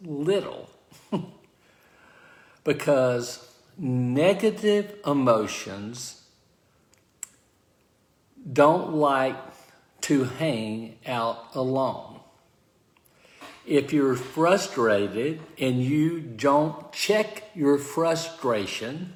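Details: Adult man with aphasia following a stroke, speaking live, consistent with post-stroke aphasia.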